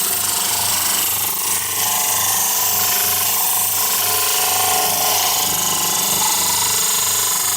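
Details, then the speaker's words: Model trimmer grinding excess material from the base of a plaster model poured from an alginate impression, while making an Essix retainer: loud continuous rough grinding with rapid pulsing motor. "we first of all trim the base a little bit let's get rid of some of this excess material"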